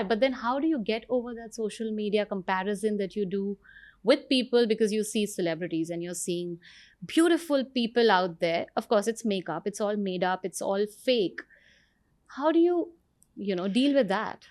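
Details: Adult woman speaking; normal speech.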